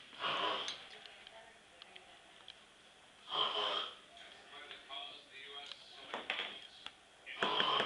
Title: Snoring Kid